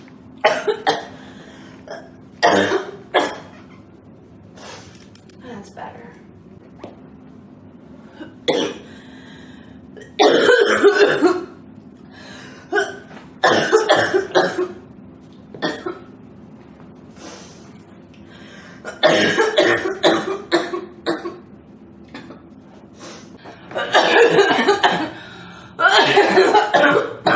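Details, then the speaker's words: A girl's repeated short coughs mixed with throat clearing and sniffing in irregular clusters; she says the coughing makes her hot and makes it hard to breathe. "All this coughing is [clears throat] making it really hot and hard to breathe."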